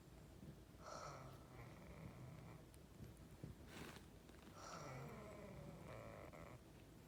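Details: Sleeping child with eyes open: soft, rhythmic snoring with a slight whistling note on each breath, about two breaths in seven seconds, over steady background hiss.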